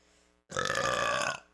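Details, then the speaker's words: A single long, loud, rumbling burp lasting about a second after a brief pause, from a person who says they are still burping and just hiccup-burped; eructation. "And like, I'm burping still. I just hiccup burped."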